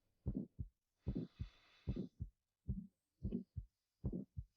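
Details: Stethoscope auscultation over the neck (carotid) during a cardiovascular examination, patient sitting forward with deep breath in, full breath out and held; normal carotid auscultation.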